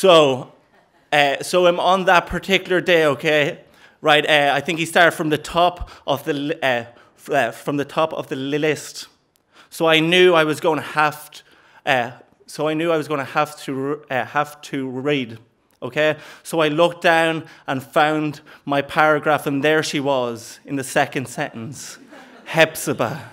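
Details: Stuttering (stammer) in an adult man since age four, described as repeating the first sound of words; word repetitions audible; stuttering.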